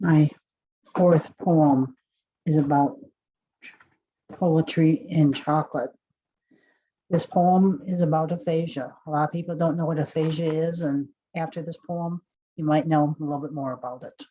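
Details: Adult speaker; no disorder.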